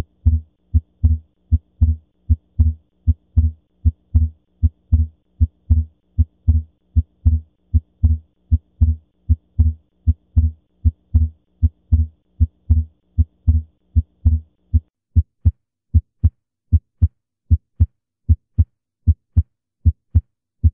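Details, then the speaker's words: Teaching heart-sound audio: regular heartbeat at about 77 per minute with crisp first and second sounds, where the second sound splits then closes. Paradoxical splitting of S2, as seen in reversed right-to-left activation. "Ahora vamos a escuchar el desdoblamiento paradójico del segundo ruido. Como dijimos, esto puede ocurrir en una situación en la que la activación eléctrica del corazón ocurra a la inversa, de derecha a izquierda,"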